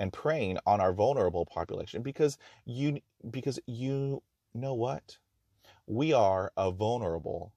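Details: Real stuttering in a person who stutters, speaking in his own talk about stuttering; he notes there is no cure, only therapies and techniques to manage fluency.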